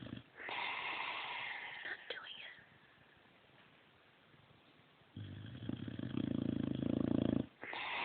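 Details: Snoring from a sleeping boxer dog after a tiring day: a low, fluttering, rattly snore on a breath, with soft background noise.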